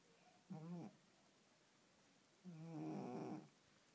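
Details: Sleeping female cat snoring on her birthday: two soft, buzzing snores, the second longer; harmless snoring in sleep.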